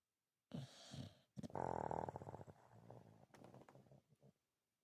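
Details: Female dog snoring while napping: a loud rattling, fluttering snore on an inward breath, trailing into softer snorting sounds.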